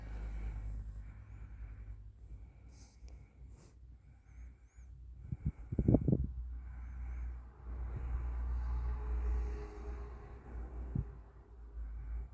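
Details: Sleeping Bichon/Poochon dog snoring: low rumbling snorts and snuffling breaths with a brief louder burst midway.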